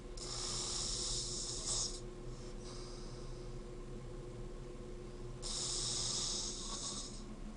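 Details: College student asleep in his dorm room: loud, harsh, hissing breaths recurring in a slow rhythm, faint room hum; heavy snoring.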